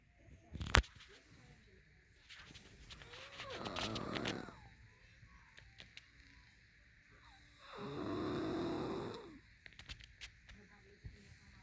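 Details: Two loud, rough snoring breaths several seconds apart, with faint background noise; heavy snoring.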